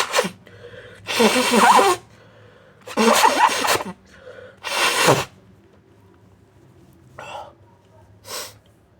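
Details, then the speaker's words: Three big, muffled sneezes with gasps before them, followed by a couple of wet sniffles after a tickle in the nose; sneezing. "Oh, it tickles. Just sneeze."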